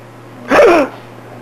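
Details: Single sneeze in an 8-month-old baby boy, whom sneezing makes laugh: one short, sharp voiced burst with rising then falling pitch over a steady low hum.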